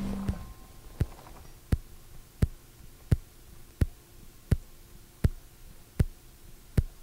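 Sharp, crisp, regular clicking beats at about 86 a minute over a low hum, picked up by a microphone on the chest.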